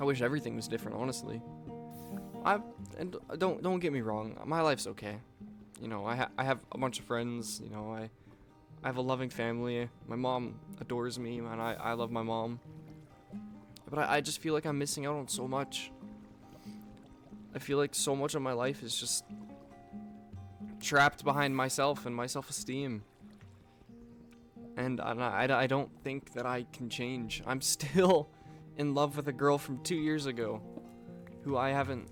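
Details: Stuttering in a man who reports stuttering his words and repeating the same things over and over.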